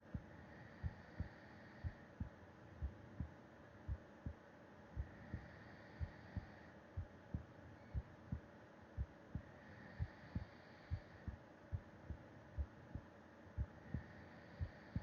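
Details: Heartbeat heard with the ear against the chest of a sleeping person: steady soft low thumps at about 59 beats a minute with faint quiet breathing; normal heart sounds.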